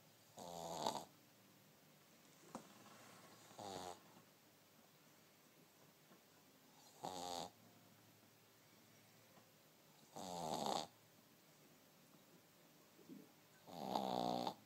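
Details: Jasper the dog snoring, recorded on iPhone: five short, buzzing snores about three seconds apart in a quiet room, roughly 17 a minute.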